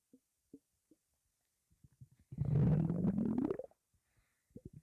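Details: Stomach grumbling recorded with no talk: soft gurgles, then a long low rising growl of about a second ending in small bubbling pops; ordinary borborygmi.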